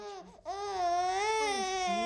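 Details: A baby cries in a sustained, high-pitched wail after a brief catch of breath; ordinary infant crying.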